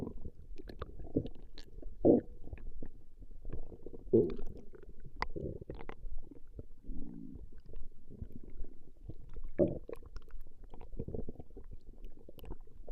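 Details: Her stomach growling recorded over 20 minutes: low rumbling and gurgling from the belly with several louder surges; ordinary bowel sounds (borborygmi).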